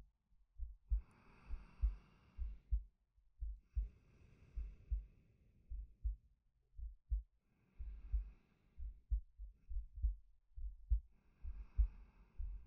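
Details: Male ASMR sleep-aid recording: soft, steady low heartbeat thumps at about 68 a minute with slow breaths rising and falling over them; normal resting heartbeat with breathing.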